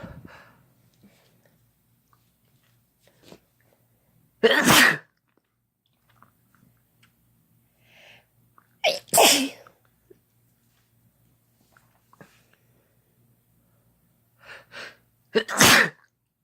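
Three loud, sharp sneezes, each with a short in-breath before it, in a quiet room with a low hum.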